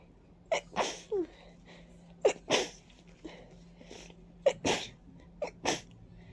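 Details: Stuffy, congested person with runny nose and watering eyes, reacting to ragweed and dust: three pairs of sharp, explosive, wet sneezes, each preceded by a quick inward gasp; sneezing.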